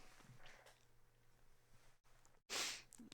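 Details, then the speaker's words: An adult, reading aloud, sneezes once: a quiet in-breath and pause, then one short, sharp, partly held-back sneeze in a small room as he tries to finish his sentence. "That was some fucking weird sneeze. I was trying to finish the sentence before I actually sneezed."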